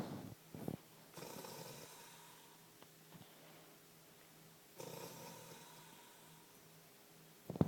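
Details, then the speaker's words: Woman snoring: soft, low rattling snores on two inhalations about three seconds apart, with quiet room noise between; ordinary snoring. "baby, snoring like a baby."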